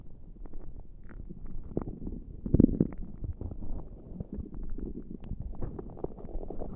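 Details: Low, irregular gurgles and rumbles from the abdomen with a louder churning burst midway, recorded without pressing on the tummy: ordinary active bowel sounds, stomach rumbling.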